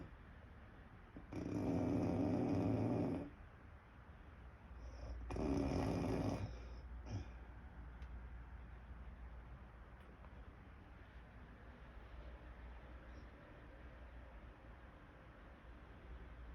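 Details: Woman snoring: two loud, coarse snores with quiet breathing and low hum afterward; ordinary snoring.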